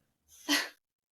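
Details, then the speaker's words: Snoring from a napping dog: a single short, noisy, loud snorting breath during ordinary sleep. "can you hear my dog A little snoring?"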